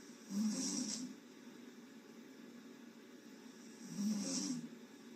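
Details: Adult woman sleeping with her mouth open on a livestream, snoring: two slow, rattling breaths about four seconds apart, with a low fluttering snore on each inhale.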